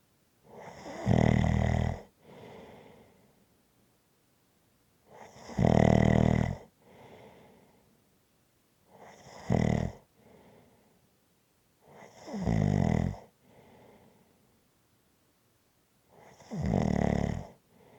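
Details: Relaxing snoring recording: loud rattling snores on each in-breath with softer out-breaths between, about five cycles over eighteen seconds, roughly 17 breaths a minute; snoring.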